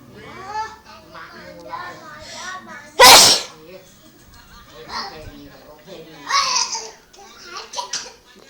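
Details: Mother's single loud, sudden sneeze breaking through her talk to a baby, who is afraid of it, followed by more talk and soft baby sounds.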